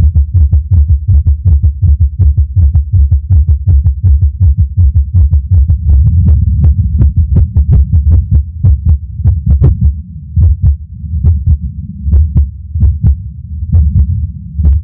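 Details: Low heart thumps around 80 a minute with uneven spacing and occasional pauses: an irregular heartbeat with skipped beats; the person says they passed out near the end.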